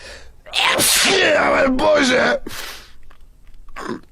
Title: girls sneezing vs boys sneezing